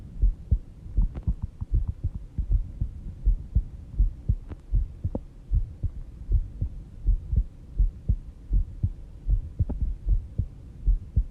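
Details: Steady low paired thumps about 70–80 beats a minute with faint background hum, recorded while sleeping at 5:30 am, stated rate about 70 bpm; slow, regular normal heartbeat.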